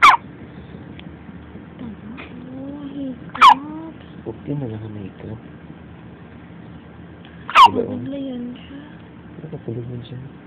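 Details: A baby: three sharp, sudden hiccups a few seconds apart, with soft vocal sounds between them; hiccups.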